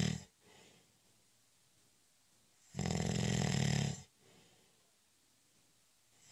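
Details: Snoring during a short, light nap (a doze): one loud, rough snore lasting about a second, set between soft quiet breathing in a still room.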